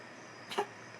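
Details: A cat struggles to bring up a hairball: a single short, harsh hacking gag in a quiet room.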